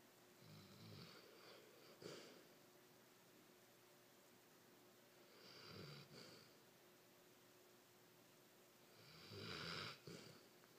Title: Dog snoring